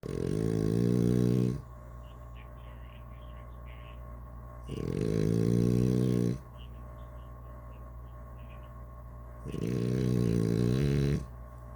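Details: Someone snoring, recorded December 2019: loud, regular rattling snores on each breath in, about 13 a minute, with quiet pauses between.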